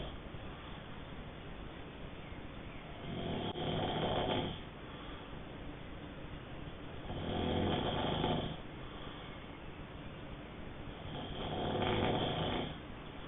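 Three rough, rattling breaths in about 13 seconds, roughly 14 a minute, with quiet pauses between: snoring during sleep.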